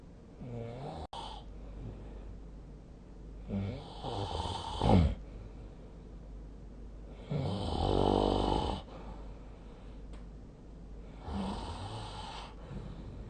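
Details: Sleep snoring recorded with the SnoreLab app on 2025/03/04: irregular rough snores, about four in thirteen seconds, some louder and rattling, with quiet breathing between them.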